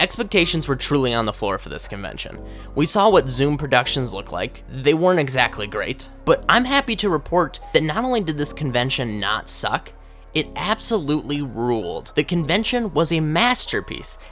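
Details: Adult male speaker; ordinary speech.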